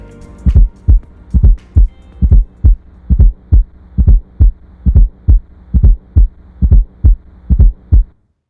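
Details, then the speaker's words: Simulated heart sounds with an S4 atrial gallop at about 68 a minute: a soft extra sound in late diastole just before S1, giving a "Tennessee" rhythm. "the S4 heart sound occurs just before S1 in late diastole the word Tennessee is often used to help describe the Rhythm produced by the added fourth heart sound"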